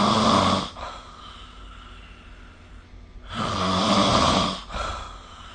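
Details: Two loud, rough inhaled snores about three seconds apart with quieter breathing between, recorded during sleep with the SnoreLab snore-recording phone app; ordinary snoring.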